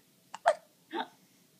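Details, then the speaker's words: Rosie, who gets hiccups often, hiccuping: two short abrupt hiccup-like jerks followed by a brief soft vocal sound. "oh you're just a little hicup girl you're just a little hickup girl"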